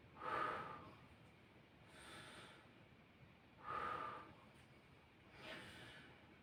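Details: Stethoscope auscultation of an adult male's posterior thorax during a nursing-student demonstration, patient breathing in and out through the mouth: slow, even breaths, about 17 a minute, soft airflow, no added sounds; normal breath sounds.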